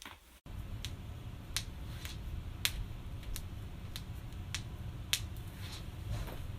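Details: Cracking joints: a series of about a dozen sharp, brief pops and clicks over several seconds against low room hum; joint cavitation.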